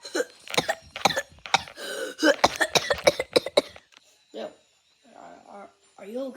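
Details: Run of harsh, quick coughing bursts followed by quieter throaty sounds; repeated coughing in a dog.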